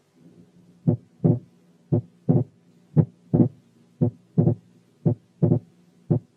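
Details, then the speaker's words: Complete right bundle branch block with wide splitting of the second heart sound that increases with inspiration. Regular rhythm at about 57/min. "الحالة الثانية كانت complete right bundle branch block with wide splitting of the second sound that increases with inspiration."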